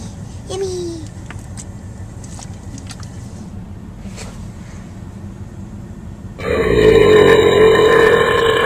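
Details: A small child burps after taking several small sips of root beer in a car: a brief falling croak early on, then a louder sustained burp over car noise.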